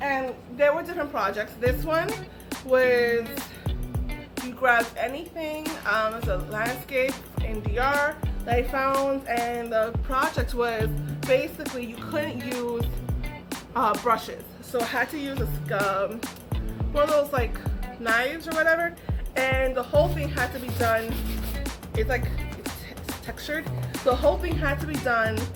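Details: Adult woman with aphasia after a stroke that took her ability to talk, write and paint; aphasia.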